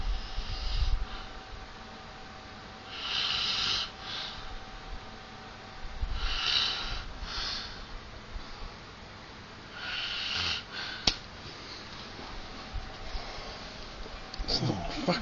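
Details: Man snoring for hours, keeping another person awake, then slapped and told to lie on his side: three rough, rattling breath noises about every three seconds over quiet room noise; snoring.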